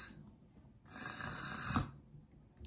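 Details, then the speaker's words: Real cardiac arrest in an athlete who collapsed, with seizure-like movements at onset: a single harsh, snoring gasp in a quiet room, agonal breathing rather than effective breathing. "ela está lá inconsciente ou até com olho aberto gaspi né com com uma respiração"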